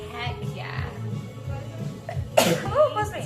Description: A fun compilation featuring cheerful blonde girls with sharp, funny sneezes.